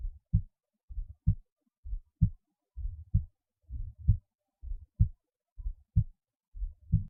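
Steady, regular lub-dub heartbeat through a stethoscope, about 65 beats a minute, with clean, normal-sounding heart sounds.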